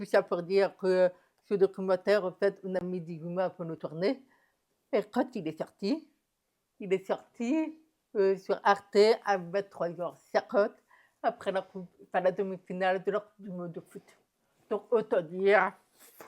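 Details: Adult woman with profound deafness (last sub-category of fourth degree, just above total deafness), diagnosed at 9 months; hears only a plane taking off with hearing aid; learned speech via thousands of hours of speech therapy and lip reading; speech of profound congenital deafness.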